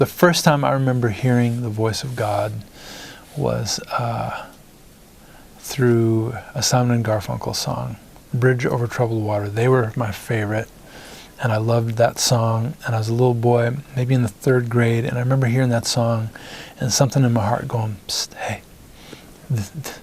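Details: Adult man, a singer-songwriter, whose stutter began in first grade after his parents' divorce; stuttering.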